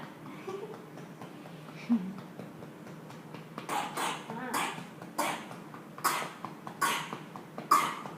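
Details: Chest percussion (clapping) to relieve cough: soft background sounds, then about seven rhythmic short bursts, likely clapping on the chest or small coughs, in a child with cough.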